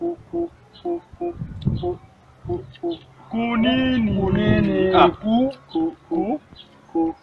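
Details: Comedy skit character portrayed as a stammerer, with syllable repetitions that make him hard for his friends to understand; finding: stuttering (syllable repetitions).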